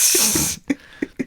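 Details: Woman sneezing in a room during a podcast recording: a single sharp, hissy sneeze burst lasting about half a second, followed by faint clicks and room quiet.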